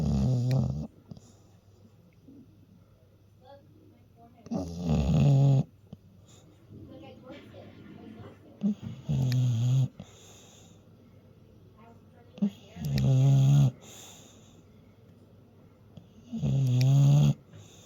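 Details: Dog Lucky snoring in sleep: loud, rumbling snores about one every four seconds, with quiet pauses between.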